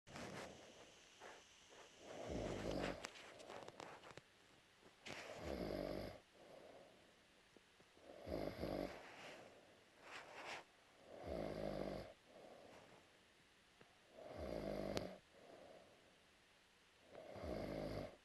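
Soft, irregular snuffling snores about every 3 seconds, in-breath and out-breath, in a quiet room. Snoring during sleep.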